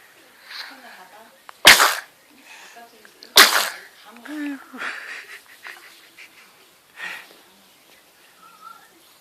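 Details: Two sharp cough bursts from a young child recovering from infantile heat rash after steroid treatment, with soft vocal sounds and breathing between them; cough.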